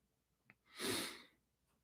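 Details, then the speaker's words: A sleeping pet snoring loudly while lying in a canvas bag: one rough, hissing snort of breath after a faint click in a quiet room. "i don't know if you guys can hear it's really distracting he is just snoring up a storm um in a mattel bag one of the canvas bags anyway"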